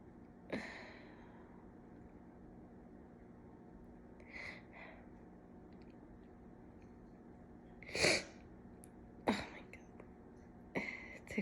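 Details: Sneeze fit induced with a cat whisker in nose, left nostril clogged from cat allergy: several sharp sneezes, some preceded by sniffing inhalations, in a quiet room with steady background hum.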